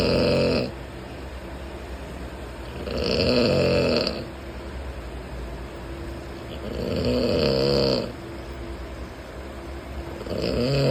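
Loud, rough snores repeat about every four seconds, roughly 17 a minute, over steady train rumble. Ordinary snoring.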